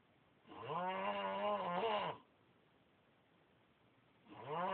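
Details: Overweight child snoring: long, buzzing, voiced snores on each in-breath, with quiet pauses between them.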